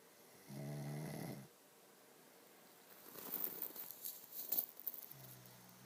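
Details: One low, buzzing rattle of breath lasting about a second, then quiet and some rustling; snoring.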